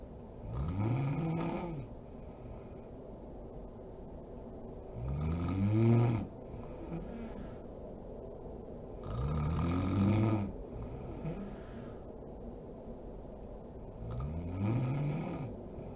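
Loud, rough snores on each breath in, with a quieter snort-like sound on the breath out, about 14 breaths a minute, in a quiet room.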